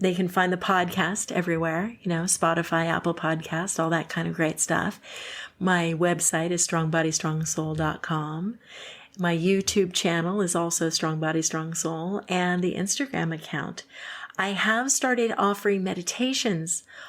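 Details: Adult woman; normal speech.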